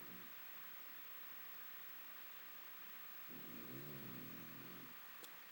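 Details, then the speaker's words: Dodger, a dog, snoring very loudly while asleep. "you're so loud Bud you're super loud do you know that you're super super loud it's ridiculous"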